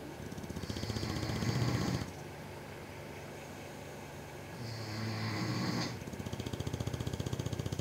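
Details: Snoring, from either an English bulldog or a powerlifter: two loud, rattling inhaled snores, each about a second long, separated by quieter fluttering breaths.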